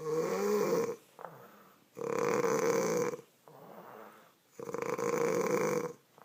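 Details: Adult children's mother snoring in sleep: three loud, rattling snores on breathing in, each about a second long, with softer breaths out between; regular snoring.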